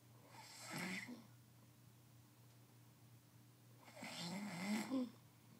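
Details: Sleeping man snoring: two soft, raspy snores a few seconds apart over a low room hum.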